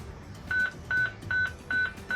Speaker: this right here is our cardiac monitor you can hear it beeping